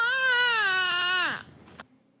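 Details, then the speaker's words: Newborn girl's cry, recorded in her newborn period: a single sustained wail with a clear, rich tone, falling in pitch at its end. "Now, can we just hear what the baby sounded like? Let's hear just the baby. I'll mute the synthesizer, and here's just the baby."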